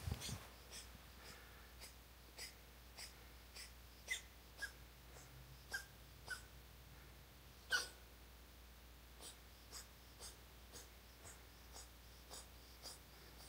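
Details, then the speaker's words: Cat (Cashew) coughing: a run of about 20 short, soft, dry bursts in quick succession while crouching low to the ground, nothing brought up; owner reports it one to two times daily; classic cat cough, not a hairball. "so if you answered cashew as coughing you would be correct this is a classic cat cough"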